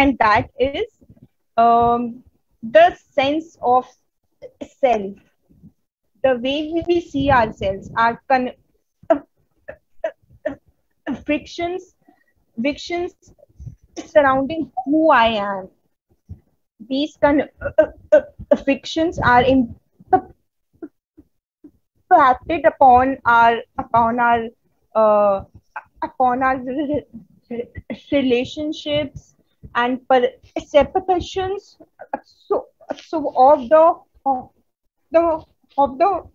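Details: Adult Indian woman who stutters, presenting on women and stuttering at a stuttering conference; stuttering.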